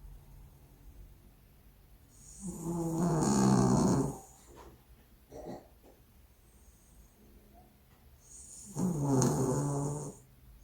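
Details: Dog snoring so loud the house seems to shake: two loud, rough, rattling snores about six seconds apart with quiet breathing between; snoring.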